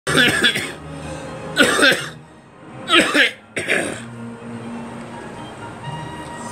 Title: Me coughing